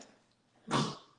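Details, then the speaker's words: A dog coughs once, a short harsh cough in a quiet indoor room, heard in the background of a conversation. "20 sorry that's my dog i don't know if you hear that he's coughing"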